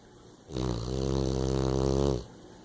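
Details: Female snoring while asleep: single long, low, rattling inspiratory snore in a quiet room: ordinary snoring during sleep.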